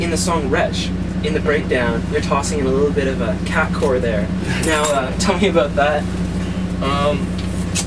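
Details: Adult male interviewer; ordinary speech.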